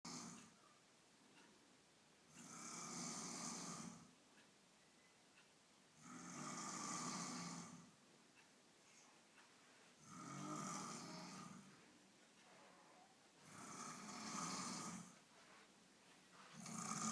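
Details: Extremely loud snoring that wakes a baby: harsh, rattling snores on each breath, about 16 a minute, with quiet gaps between; heavy snoring.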